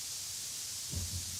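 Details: Tinnitus masker noise played in both ears from a tinnitus-masking application, with the volume set to about twice the perceived loudness of the listener's tinnitus as an initial masking level.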